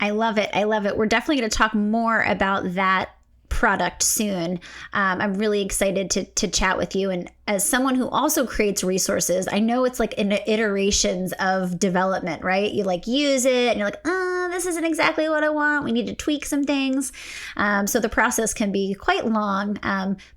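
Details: Adult woman speaking; typical speech.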